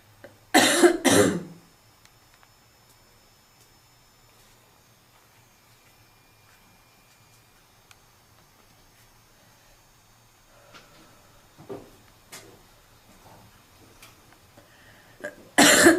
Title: Girl coughing 98